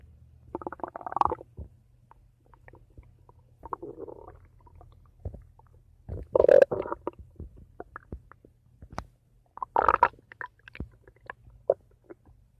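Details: Ordinary bowel sounds (borborygmi) from the stomach: intermittent gurgling and bubbling rumbles of digestion.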